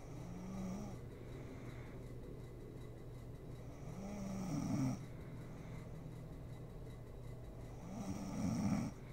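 Slow, regular snoring, three rough inward snores about 4 seconds apart, roughly 15 a minute, over a steady low room hum.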